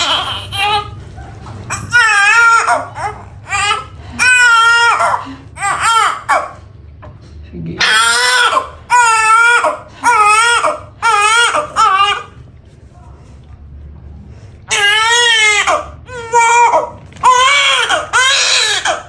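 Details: Loud, strong, repeated crying bursts from a baby just after a normal vaginal delivery: a vigorous normal newborn cry.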